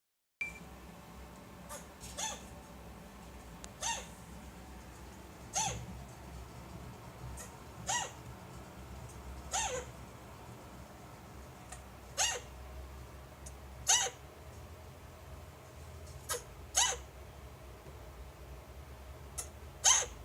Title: Elvis chinchilla hiccups after mating